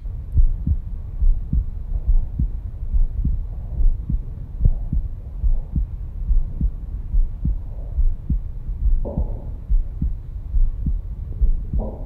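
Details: Normal heart sounds heard with a Stemoscope Pro digital stethoscope: a steady, regular heartbeat of about 71 beats a minute, with clear low thumps and no added sounds.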